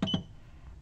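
Two short electronic beeps from button presses on a therapeutic ultrasound unit's control panel.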